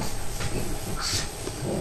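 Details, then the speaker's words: A sleeping dog snoring her head off. "Snoring her head off."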